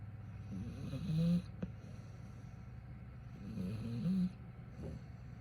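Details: Human snoring.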